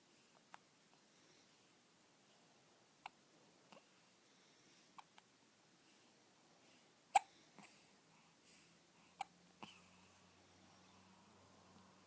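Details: Infant in bed after her morning feed with hard hiccups: faint, sharp, brief clicks repeating every second or two in a quiet room; ordinary infant hiccups.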